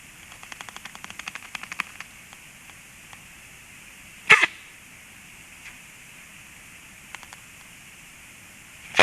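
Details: Stork chick sneezing while testing its strength against a sibling: a quick run of light clicks, then one sharp, explosive burst against steady outdoor hiss; single sneeze.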